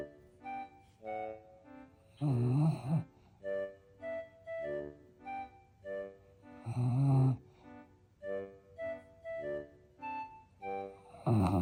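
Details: Two loud, rough snoring breaths about four seconds apart from a French Bulldog, heard over soft keyboard music; snoring.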